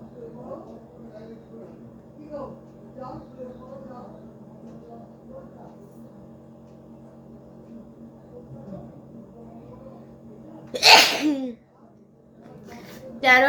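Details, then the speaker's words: Adult woman's deliberately provoked sneeze, nose poked with a stick, in a sneezing challenge: quiet room hum and faint talk, then one loud sudden sneeze, with a second burst starting at the end. "তা আমার 13টা হাঁচি হয়েছে বন্ধুরা, আর এখনো হাঁচি আসছে না।"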